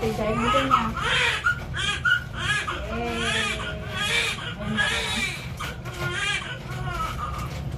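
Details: Newborn baby girl just after vaginal delivery in a delivery room: short, high cries under adult talk and room noise, a normal first cry.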